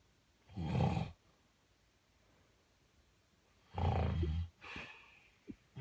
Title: My dad snoring